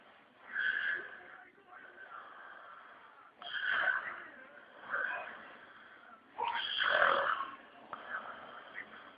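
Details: Adult man snoring loudly during sleep: loud, rasping snores on each breath in, about three in nine seconds, quieter breathing out between.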